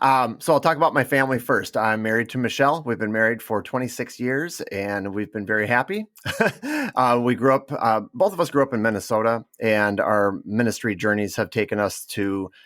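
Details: Adult man speaking; Normal voice.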